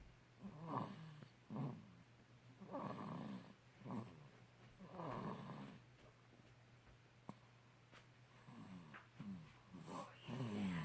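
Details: Two-month-old infant snoring: repeated rough, fluttering snores with each breath about every second, then quieter breathing and a few soft snorts.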